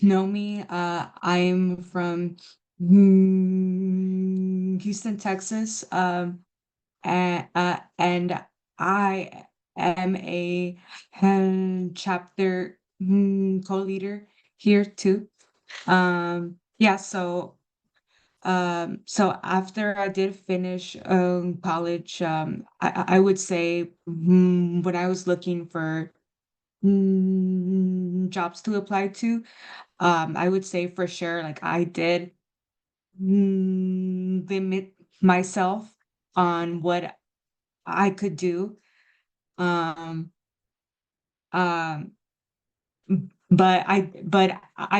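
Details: Adult stuttering support group chapter co-leader who stutters, with repetitions and fillers; stuttering.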